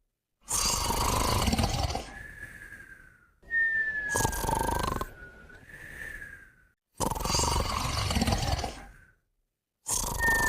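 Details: Two pets snoring and whistling together: loud, rattling snores at about 15 breaths a minute, with a thin whistling sound at the end of each breath. Snoring.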